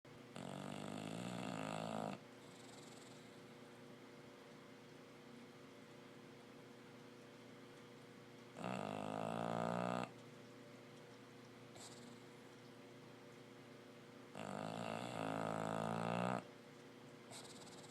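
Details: Loud, rattling, noisy snoring breaths roughly every six seconds, about ten a minute, from a sleeping female bulldog.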